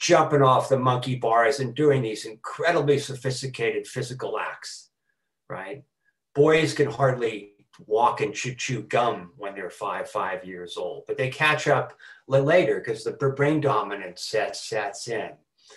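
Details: Adult man who has stuttered since about age four, with repetitions, fillers and blocks: stuttering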